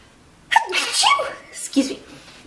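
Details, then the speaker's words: Single sharp, high-pitched sneeze from an adult woman who says she has really bad allergies and needs to sneeze, followed by a short breathy sound; ordinary sneeze. "Sort of like hydration for my hands. I really have to sneeze."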